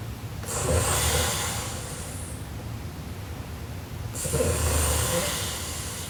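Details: Sleeping Japanese girl snoring: two long, loud, rough breaths, each about two seconds with a rattling low tone, separated by a quieter pause.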